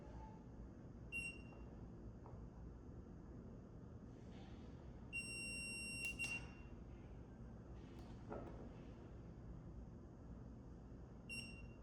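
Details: Dental curing light during orthodontic indirect bracket bonding, curing from the occlusal: faint short high beeps spaced a few seconds apart over quiet room hiss, timing each cure.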